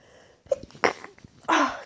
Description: Jut tried to induce a bit but as you ca see mostly false starts.